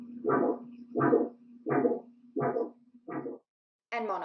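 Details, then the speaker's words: Arterial Doppler recording: single rushing whooshes at about 85 per minute over a steady hum, with no reversed or second component, a monophasic signal, which is always abnormal. "monophasic flow is only one phase and is always abnormal it sounds like"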